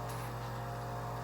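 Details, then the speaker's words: Facial microdermabrasion machine running its sea-salt crystal step on a model, with slight suction kept low for higher Fitzpatrick skin types to avoid inflammation and hyperpigmentation: a steady low motor hum with a faint airy hiss. "it's a very fine it's a slight suction that you can control for people with a higher fitzpatrick because suction with microdermabrasion and higher fitzpatricks could cause inflammation and therefore hyperpigmentation"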